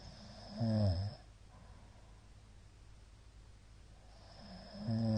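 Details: A middle-aged man snoring in sleep: two loud, low, rattling snores separated by a quiet gap of about three seconds with little breath sound. Shallow hypopneas suggest sleep apnea.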